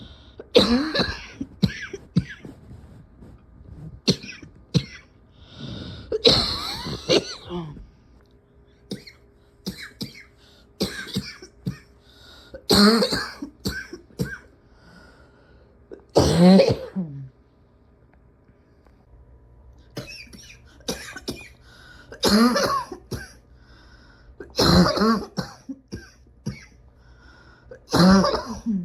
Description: so. much. coughing. can hardly take a breath without coughing for 5 minutes afterwards.